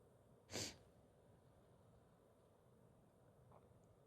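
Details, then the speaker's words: Female stifling sneezes after sniffing chhinkni (sneezing powder), feels it tickling; one short, sharp, held-back sneeze burst in a quiet room, then a faint breath: sneezing. "I can feel it tickling. Oh, excuse me. It tickles."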